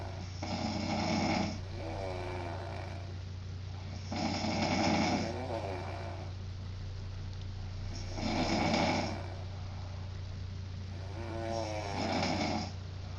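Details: Adult woman snoring in a snoring contest with a friend: regular rattling snores on each breath, about 15 breaths a minute, over a steady low electrical hum.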